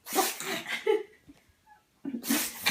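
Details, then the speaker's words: Female pug sneezing repeatedly: two sharp bursts of air separated by a pause with soft snorts; family suspects something is in her nose. "Bella. Why do you keep sneezing? Bless you. Bless you, Pug."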